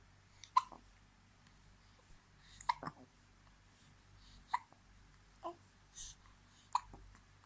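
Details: Baby girl about 2 months old (age uncertain), who hiccups often: short sharp hiccups every one to two seconds, about five, in a quiet room.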